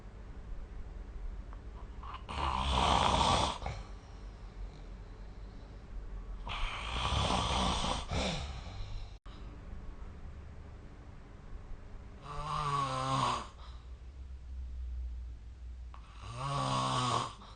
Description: This is the sound of snoring recorded using SnoreLab : Record Your Snoring